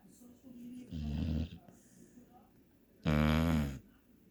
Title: Enjoying my snoring 🤪🤣